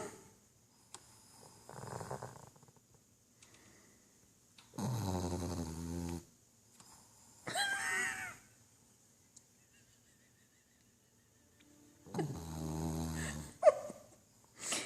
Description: Winston snoring up a storm with his tongue out